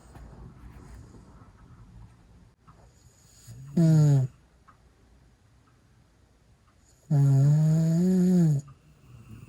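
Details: Hound dog napping after a hike beside a man, both snoring; quiet breathing broken by two loud, harsh, buzzing snores; ordinary loud snoring.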